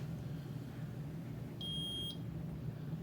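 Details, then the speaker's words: Blood glucose meter giving a single short electronic beep on a low reading of 67, a day after a 72-hour sardine fast; the tester guesses ketone production is still high. "67 67 yeah it's beeping because it's like uh it's a little longer you're gonna die you don't have any sugar in your body"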